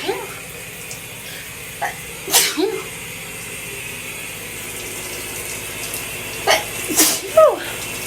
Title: Shower sneezes 🤍